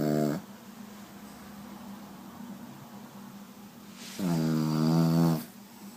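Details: A Pugalier dog snoring like a pig.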